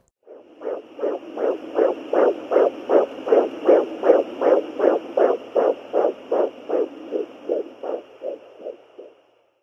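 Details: Fetal heartbeat of a baby boy heard by ultrasound at home: rapid, regular whooshing beats about 160 a minute.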